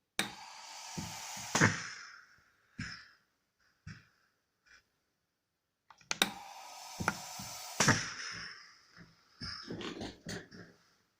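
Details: Two rushing airflow cycles about six seconds apart, with valve clicks and thunks, from a working smart mechanical ventilator.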